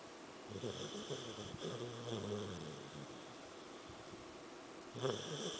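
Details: Soft, rough snoring sounds from a sleeping Samoyed dog, with a quiet hiss in the background; snoring.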